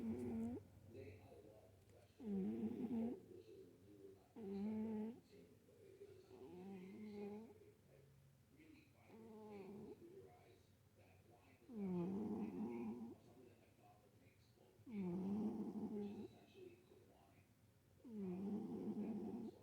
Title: Winnie Snoring in Sleep 🤗